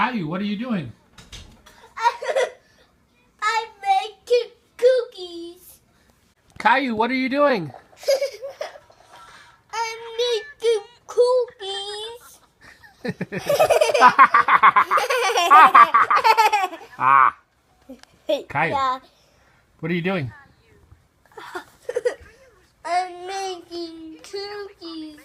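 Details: Echolalia in an autistic boy who repeats phrases from a video he is watching.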